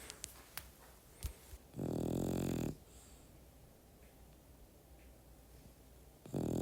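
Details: French Bulldog asleep, snoring mixed with ambient music, two loud low buzzing rattles separated by a quiet pause: snoring.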